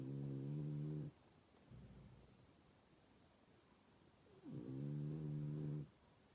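Two loud, rough, buzzing snores with a quiet out-breath between them, about ten per minute: ordinary snoring.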